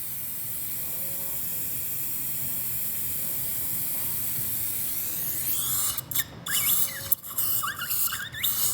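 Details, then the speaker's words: Dental handpiece in whining bursts after steady hiss, driving a mini implant the rest of the way into solid bone through a stent on a very thin ridge. "so we'll place it the rest of the way using the the handpiece"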